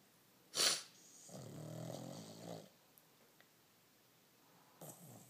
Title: Pug rocky snoring